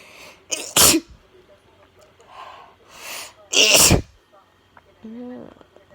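Two loud, forceful sneezes, each with a quick breath drawn in first, plus softer breathy sounds between them; ordinary sneezing.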